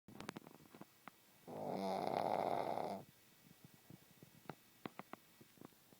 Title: Snoring pug